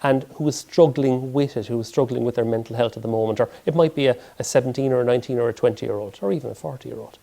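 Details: Adult male speaker; typical speech.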